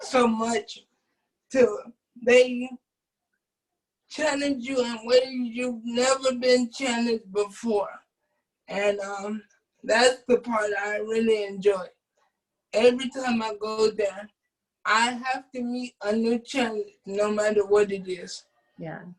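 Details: Adult man with cerebral palsy since birth who uses a wheelchair; doctors predicted at birth he would not speak; dysarthric speech in cerebral palsy.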